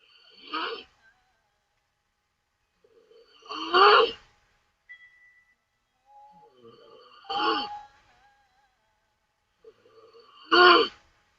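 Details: Taiwanese woman sleeping with mouth open during a stream: loud, rough snores about every three seconds, a softer indrawn breath before each, quiet room; loud open-mouth snoring.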